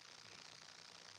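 Near silence, then a sudden sharp explosive burst of air in the final moment, cut off at the end: the onset of a sneeze.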